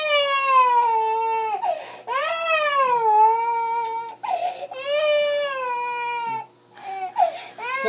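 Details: Young girl crying because Papa Roldz is going back to Dubai: long, sustained wailing cries with brief breaths between; ordinary upset crying.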